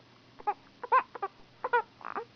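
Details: Baby girl fussing, and the caregiver wonders if she is hungry: short, high-pitched fussing cries in a quiet room, several brief bursts with a wavering tone.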